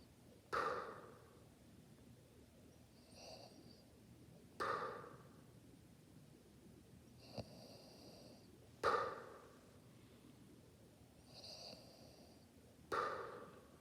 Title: Nanay Snoring